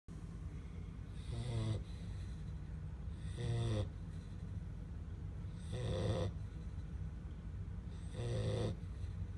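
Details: Sleeping black Labrador puppy: four regular low snores over about nine seconds, roughly 25 a minute, over steady room hum; snoring.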